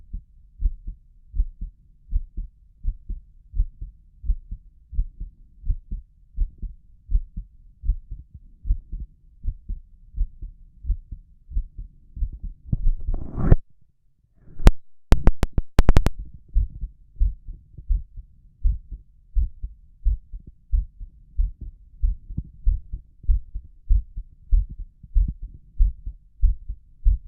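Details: Self-recorded stethoscope heart sounds over the tricuspid area and apex while excited, shortly after a prior recording: steady beats at about 97 per minute, a mildly elevated heart rate.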